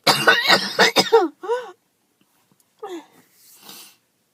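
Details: Girl coughing, a run of harsh coughs then softer coughs and a breathy exhale in a quiet room; she says her chest hurts and thought it was just allergies.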